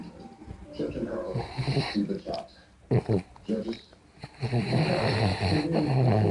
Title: snoring